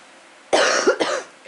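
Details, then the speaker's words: Adult woman getting over the flu: two quick, harsh cough bursts against quiet room noise; cough. "my next couple videos after this one you can hear the camera girl coughing we're getting over we're getting over the flu Bob"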